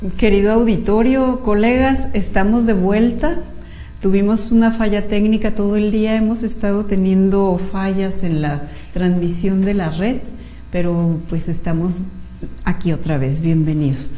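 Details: Adult female speaker; normal speech.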